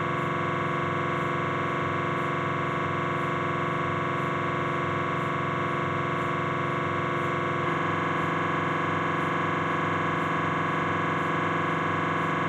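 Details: Loud, steady, rapid buzzing drone whose pitch shifts partway through, from a Philips 1.5T MRI scanner running a T1 coronal knee sequence; MRI scanner noise.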